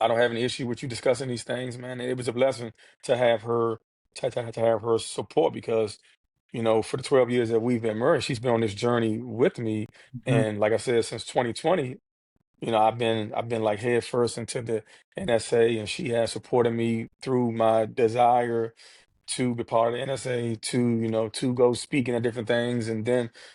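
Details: Stuttering in an adult man who has stuttered since childhood, speaking in a real podcast interview with repetitions of sounds, words and phrases.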